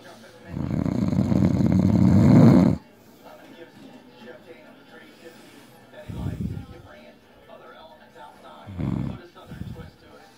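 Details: Loud snoring from a drunk, passed-out adult man (husband) in deep sleep: one long, very loud rattling snore, then shorter, softer snorts at irregular timing.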